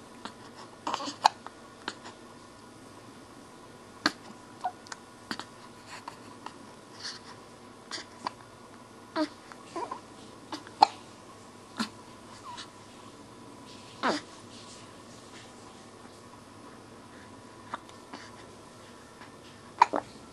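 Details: Hiccups: brief sharp clicks and small gulping catches repeating irregularly over about 20 seconds in a quiet room.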